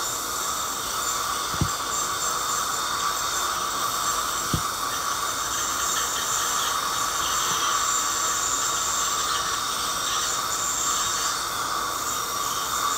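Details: Continuous high-pitched whine with water spray hiss and faint clicks as a hygienist uses an ultrasonic scaler on a smoker's teeth with heavy plaque and tartar buildup; ultrasonic dental scaler.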